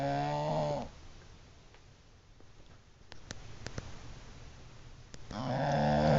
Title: bulldog snoring